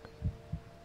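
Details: One soft, low lub-dub normal heartbeat from a young adult man, heard as if lying on his chest in an ASMR roleplay, with a faint steady hum in the background.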